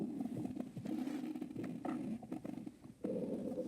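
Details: Man's stomach growling, heard by a listener: quiet, low, drawn-out gurgling growl with small pops; ordinary borborygmi.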